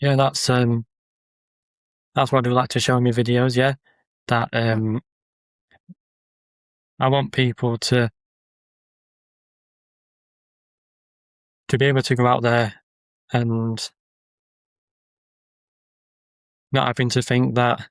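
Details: Adult man with a stammer who makes social media videos of ordering and talking to people to build confidence; word and phrase repetitions and pauses; stuttering (stammering).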